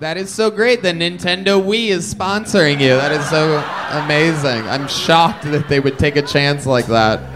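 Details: Adult man; typical speech.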